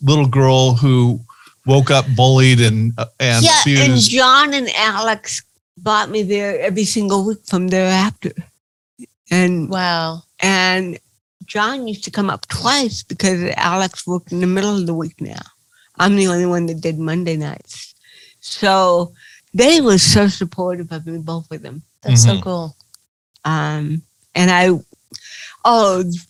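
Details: Adult woman comedian with cerebral palsy, real, speaking in an interview; dysarthria (cerebral palsy).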